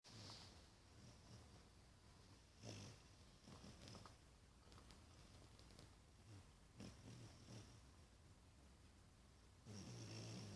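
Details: Timmy, a 5-month-old Australian Shepherd–Labrador mix dog, asleep with a low, rumbling snore that has a faint purring quality and occasional louder snorts over steady room hiss: snoring.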